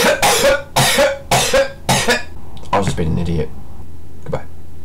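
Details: Four quick, harsh throat-clearing bursts in a row, then a brief voiced sound and a faint click, after inhaling ground black pepper for a sneezing challenge.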